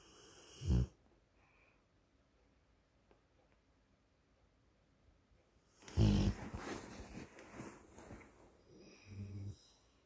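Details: Tired Rottweiler asleep: a single loud low snort, then after a pause a longer rumbling, rattling snore in a quiet room; dog snoring.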